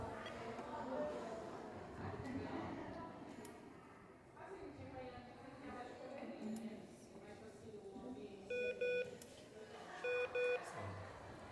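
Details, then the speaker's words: Bedside patient monitor alarm: two short bursts of paired beeps when the pulse signal was lost because the blood pressure cuff inflated on the same arm as the pulse oximeter; BP read 135/74. "Perdeu o pulso. Por quê? Porque apertou lá e o oxígeno está no mesmo braço. Ó. O alarme. Então, qualquer alteração que acontecer com esse paciente, o alarme ele soa."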